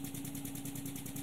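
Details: High-frequency oscillatory ventilator running: a steady, rapid buzzing hum with fine fast vibration, as power is turned up to raise delta P toward 60–65.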